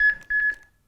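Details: HeartSine 500 AED used with CPR on a training mannequin: two quick electronic beeps at a steady pitch, the defibrillator's metronome pacing chest compressions.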